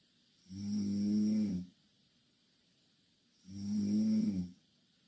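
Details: Loud snoring from two Korean girls sleeping in the same bed: two rattling snores about three seconds apart, with quiet pauses between them.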